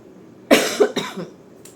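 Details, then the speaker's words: Two or three short, harsh cough bursts in quick succession in a quiet room, from an adult with a lingering cough she says won't heal; cough. "mohon maaf ya suara saya begini Lagi batuk enggak sembuh-sembuh mungkin batuk 100 hari"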